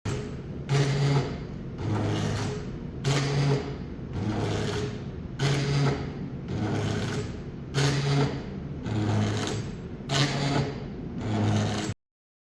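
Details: Hybrid medical ventilator operating: rhythmic mechanical whooshing cycles at about 26 per minute over a low hum.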